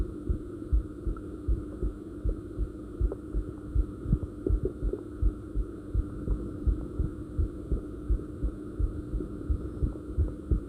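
Steady soft low thumps at about 80 beats a minute over a faint hum; normal heartbeat.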